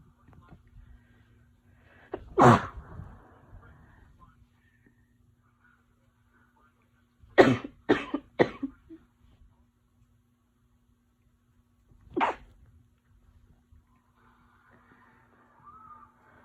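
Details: Person with a winter cold who woke with a headache and, 8 hours later, has fits every 10 minutes: five short, harsh coughs (one, a run of three, then one more) with quiet pauses between.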